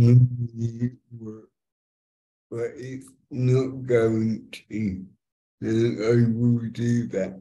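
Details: Dysarthria in a multilingual young woman born with cerebral palsy (congenital) that has affected her speech; she uses a speech recognition app to communicate.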